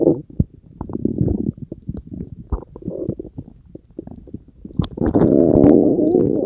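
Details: Ordinary stomach growling (borborygmi): irregular gurgling, bubbling and rumbling from the belly, rising to a long sustained growl near the end.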